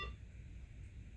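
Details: Interrogation of a Medtronic implantable defibrillator (ICD) during device testing: a brief electronic programmer beep at the start, then quiet room hum.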